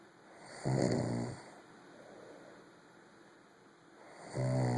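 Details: Two low, rumbling snores on inward breaths with quiet pauses between, in a small room; snoring during sleep.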